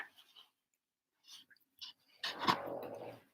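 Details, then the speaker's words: Dog (Hazel) snoring loudly while asleep in a quiet room: one loud, rough, rattling breath lasting about a second, snoring. "don't know if you guys can hear that but that's hazel snoring she's smart real loud here"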